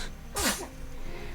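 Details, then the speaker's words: Single small sneeze from the owner's pet, called "my baby": a brief, sharp hissing burst with a short pitched tail, over faint room noise and soft music. "Bless you, baby. I don't know if you could hear it, but my baby sneezed."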